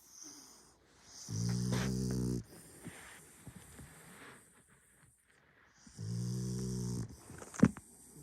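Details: French bulldog snoring in sleep: two loud, buzzing, rumbling breaths a few seconds apart with quieter snuffles between.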